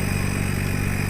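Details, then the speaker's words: Oxygen concentrator switched on with the black button, drawing in room air through a side air filter and supplying oxygen to the patient: steady low motor hum with rapid buzzing rattle. "On करने के बाद में आप देखेंगे कि ये वातावरण की जो एयर है उसको लेता है और उसमें से ऑक्सीजन को पेशेंट को प्रोवाइड करवाता है।"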